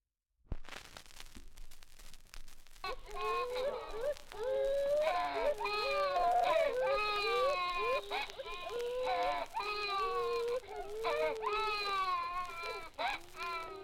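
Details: Several babies crying in a nursery, rising and falling wails over old-record hiss: ordinary infant crying from an archival sound-effects 78 rpm record.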